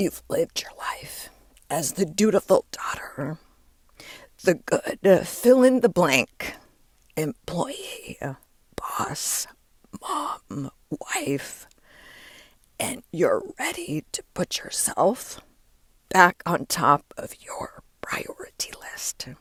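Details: Adult woman with diagnosed spasmodic dysphonia, which she links to stress; her voice started to go and words barely came out while speaking at an event; still present and still being worked through; spasmodic dysphonia.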